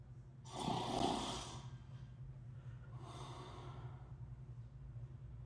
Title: Real snoring noise from USS Midway San Diego and what it was like in tight quarters onboard.